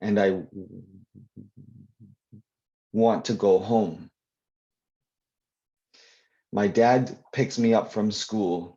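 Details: Adult who stutters, heard answering a question in a live Q&A with part-word repetitions; stuttering.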